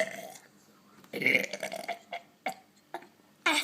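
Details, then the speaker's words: A boy, prompted to do a big burp before burping the alphabet, gives one long loud burp followed by several shorter belch bursts; repeated voluntary burping. "just do a burp before you start. Do a big burp. Do a big burp."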